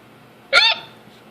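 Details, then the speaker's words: A person with hiccups for about five minutes, usually squeaky and sometimes silent: a single abrupt, squeaky gulp with a brief voiced catch: one hiccup. "Now I keep hiccuping silently. Usually it's a squeaky squeak. A squeaky squeak. Yeah. That was one. That was a hiccup."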